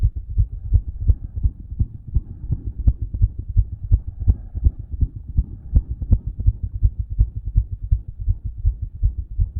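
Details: Own heart by stethoscope after exercise: fast, loud, regular heartbeat with a louder murmur and a possible faint extra sound before the first beat (suspected S4), not made louder by exercise.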